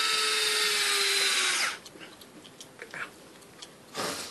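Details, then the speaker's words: High, steady power-drill whine under two seconds, then quiet handling: intraosseous drill inserted at 90 degrees, driving a needle into bone after contact, during EMS intraosseous training. "all right that's hit the bone you got plenty of room your top black line all right now let the drill do the"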